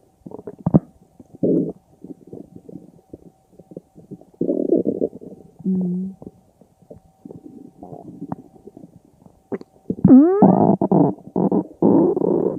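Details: Irregular gurgling rumbles and squeaky, rising gut noises in short bursts; ordinary stomach growling (borborygmi) in a person.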